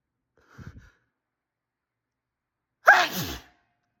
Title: I really had to sneeze